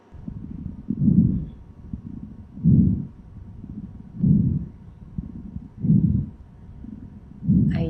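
Soft, low whooshing swells recur about every 1.6 seconds, around 37 a minute, over a steady low rumble, with no wheeze or crackles. These are normal breath sounds of healthy lungs.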